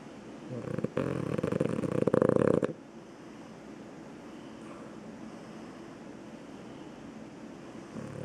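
One loud, buzzing, fluttering breath followed by quiet room noise: a single snore from a sleeping dog.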